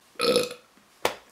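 A single short, voiced burp from an adult, followed by a brief click; an ordinary belch.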